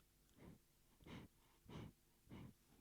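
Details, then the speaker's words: Soft, regular, snuffly breathing from a calm newborn lying eyes closed in his father's arms, with the recorder close to his face; about four breaths in under three seconds. Normal newborn breathing. "is the sound of a baby breathing so there's some asmr for you"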